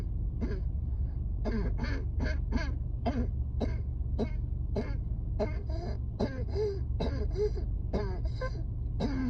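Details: A run of about eighteen short, harsh, hacking coughs in quick succession, a coughing fit during a severe asthma flare-up at work on a rooftop.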